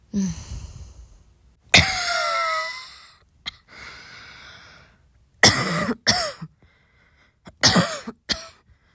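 Several separate coughs in a quiet room, fairly soft, with pauses between them; an ordinary dry-sounding cough.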